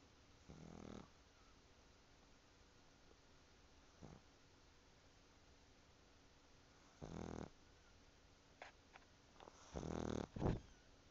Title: Sleeping pug snores